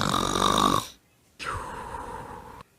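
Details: Two rough, buzzing breath sounds, one loud and one softer, separated by a pause, from animated number characters 40 and 90; simulated snoring.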